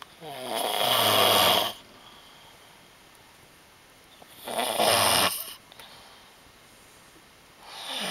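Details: Adult man who denies snoring: loud rasping snores with each breath in, about 16 a minute, separated by quiet pauses; ordinary heavy snoring said to continue for 8 hours.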